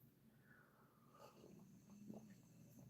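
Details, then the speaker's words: Sleeping dog snoring in a quiet room: soft, low rumbling snore with a faint snorting, wheezy edge. "As you can hear, the dog is installed and snoring. Snoring. Snoring."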